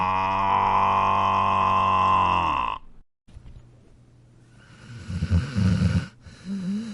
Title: snoring animals funny